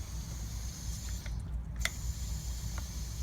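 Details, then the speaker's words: Steady low hum and faint hiss of a working wall suction unit, with a few light clicks, set at about 40 mmHg while preparing pediatric tracheostomy suctioning for a child with excessive trach secretions; suction unit running. "I will also make sure that I have working suction"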